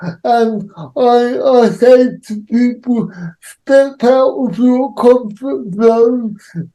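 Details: Adult man with cerebral palsy; dysarthria associated with cerebral palsy.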